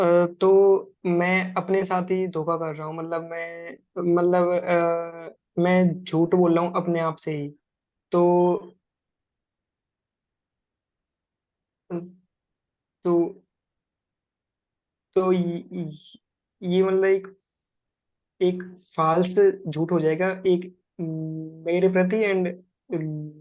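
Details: Adult man who stammers, speaking Hindi; stuttering.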